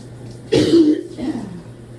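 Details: Deep barking coughs in the shower, trying hard to clear secretions, at times so severe the person was doubled over: one deep harsh barking cough followed by a lower rasping breath out.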